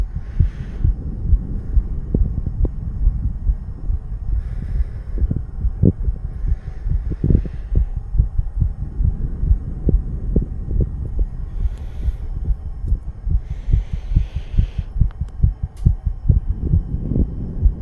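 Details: 34-year-old male recording his own heartbeat while under the influence of nicotine and "green stuff": rapid low thumping at roughly 140 beats a minute, fast heartbeat (tachycardia).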